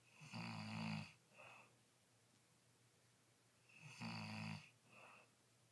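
Two loud, rattling snores about three seconds apart, each followed by a softer breath out, in a quiet room; ordinary snoring.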